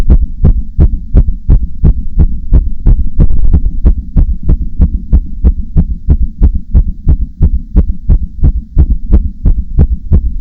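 Steady, fast, sharp thumping beats, roughly 170–180 a minute, over a constant low hum: a rapid heartbeat.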